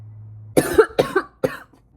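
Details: Three short, moderately loud coughs in a quiet room from an adult with a viral illness, a severe sore throat and a pounding headache.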